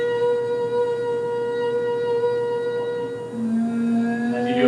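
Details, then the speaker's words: Steady sustained vowel shifting in pitch during a normal laryngoscopy exam with a 70-degree rigid scope, vocal folds coming together and vibrating normally. "here is just a normal exam the vocal folds vibrate [Music] you see a moment was the local walls come together and vibrate nicely in that environment"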